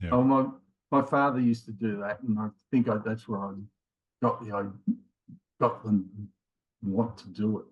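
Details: Man in his late 50s with mild aphasia after a left-sided ischemic stroke in January 2020, with difficulty both finding words and getting them started; also has a history of multiple heart attacks and rheumatoid arthritis; aphasia (word-finding difficulty).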